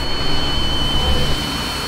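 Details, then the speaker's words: Simulation of tinnitus after repeated loud-noise damage to hearing hair cells: steady high-pitched whistling tones over a low rumbling noise, parasitic sounds like whistling, buzzing or steam jets, variable in intensity and sometimes unbearable; tinnitus simulation. "deuxième symptôme ce que l'on appelle les acouphènes qui sont en fait des bruits parasites soit type de sifflements de bourdonnement de jets de vapeur mais qui sont d'intensité variable au cours de la journée et qui peuvent parfois devenir totalement insupportable"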